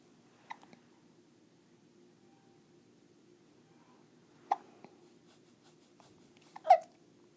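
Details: Hiccups in a baby while finger sucking: a few soft, sharp jerky catches spaced seconds apart, over a quiet room with a low hum.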